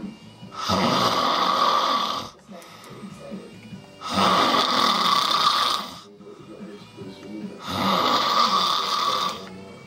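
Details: An adult man snoring: three loud, harsh, buzzing snores on the in-breath, about every three to four seconds, with quieter breathing between.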